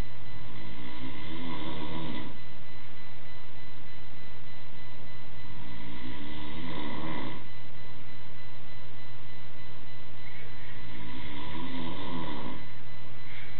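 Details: Adult man (father) snoring again: three loud, rattling snores over fourteen seconds, about 13 breaths a minute, steady background hum; ordinary snoring.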